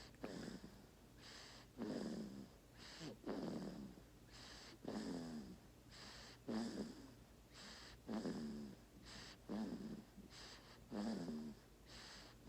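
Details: Opal snoring while sleeping on mama: quick, regular, snuffly snores, about 40 breaths a minute, each with a soft rattle.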